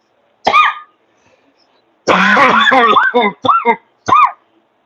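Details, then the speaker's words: Adult who says they are sick gives a single cough, then a short run of several harsh, voiced coughs in a quiet room while working on a live stream. "sorry guys I'm still sick I'm working but I'm sick so you'll hear me cough all the time"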